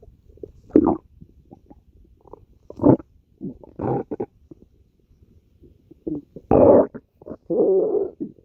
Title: stomach growling